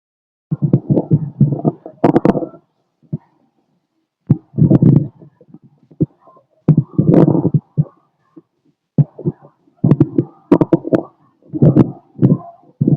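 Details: Male lying down: stethoscope recording of clusters of gurgling, bubbling bowel sounds separated by quiet pauses, i.e. stomach growling.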